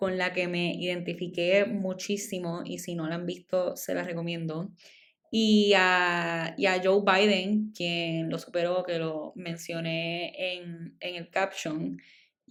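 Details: Adult woman, stuttering since childhood, speaking Spanish; she says it is stronger in Spanish than in English, and milder when recording alone; stuttering.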